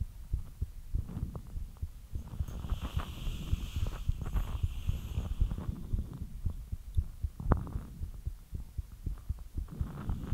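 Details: Quick low thumping heartbeat around 115 beats a minute; normal speeding of the heart after light exercise.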